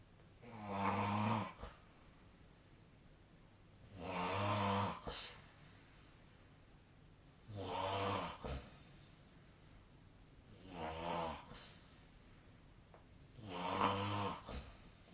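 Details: Snoring during sleep recorded 21 March 2025: five rattling snores on breathing in, about 18 a minute, separated by quiet breathing out; ordinary snoring.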